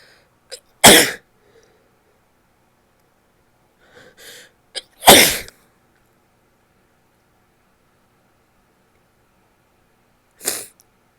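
Three loud, wet sneezes a few seconds apart, each with a short breath in before, plus a smaller stifled one.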